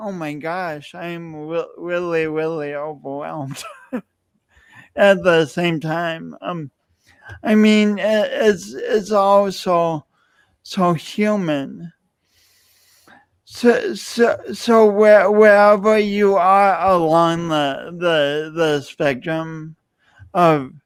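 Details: Adult male speaker; speech impediment (disfluent speech with word repetitions).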